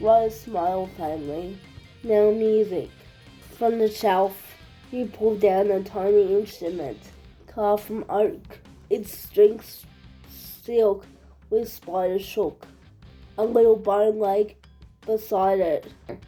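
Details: Adult reading aloud, background music; dysarthric speech (cerebral palsy).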